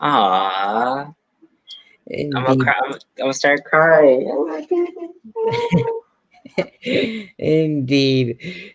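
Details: Adult male stand-up comedian with a self-reported stutter, speaking in an interview; stuttering.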